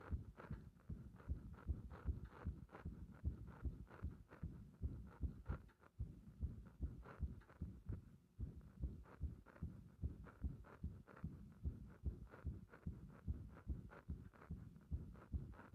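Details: Frequent arrhythmia felt as the heart "bursting", heart sounds recorded under chest pressure: fast, uneven, thudding heartbeats with varying gaps and occasional pauses, an irregular rhythm with frequent extra beats.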